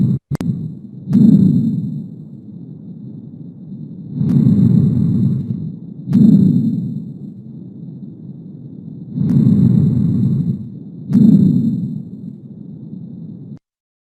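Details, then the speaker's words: Chest auscultation teaching example: soft, low-pitched rustling murmur heard very quietly, inspiration slightly longer than expiration; normal vesicular breath sounds over the lung fields. "te vas a dar cuenta que la inspiración es levemente más larga a comparación de los anteriores escuchamos"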